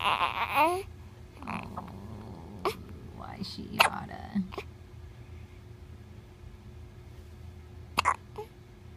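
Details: Baby babbling with several brief, abrupt gulping catches at irregular intervals: infant hiccups.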